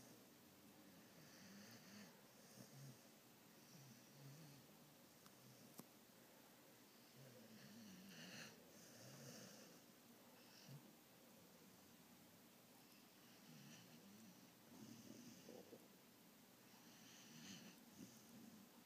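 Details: Light snoring during sleep: quiet, irregular snuffling snores and soft snorts over steady room hiss.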